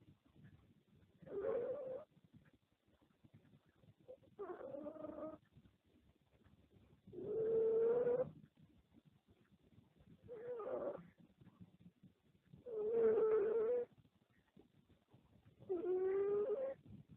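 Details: Small pet cat with cancer, recorded in 2013 near the end of her life, snoring while asleep: six slow, nasal, drawn-out rattling snores at about 11 a minute with quiet pauses.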